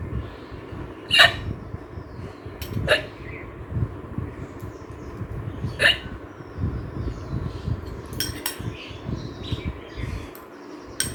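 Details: Hiccups during a hiccup challenge eating spicy pasta: a few sharp, abrupt gasping bursts at irregular intervals over a noisy room background.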